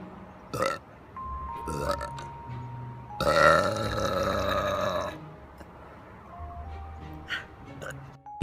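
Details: Girls burping in a compilation of short clips: several loud belches, one long and drawn out, with music playing in the background.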